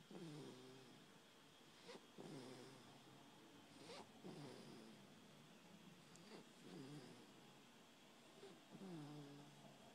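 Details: 5-week-old male infant snoring softly and regularly, about 29 breaths a minute, asleep in a "milk coma" after nursing, with steady background hiss; snoring.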